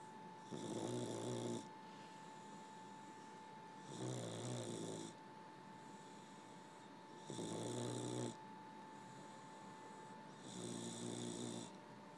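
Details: 15-week-old male boxer puppy snoring during a nap: regular rattling snores on each breath, about 18 a minute, over a steady background hum.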